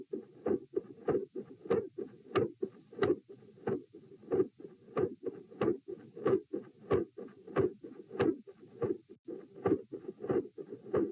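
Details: Doppler probe at position P during a lying-sitting-standing-lying posture stress test, edited with some skips: rhythmic whooshing heartbeat about 94 a minute, with sharp clicks and noisy filling between beats from multiple murmurs.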